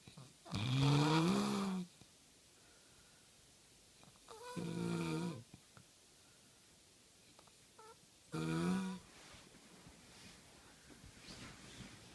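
Three loud, rattling snores with pitch sliding on each breath in, separated by quiet breathing pauses; snoring at about 16 breaths a minute.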